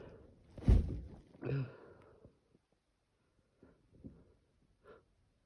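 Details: Sneezing through an N95 face mask, set off by the mask's nose pinch making the nose itch: two muffled, damped sneeze bursts, then quiet breathing and small rustles.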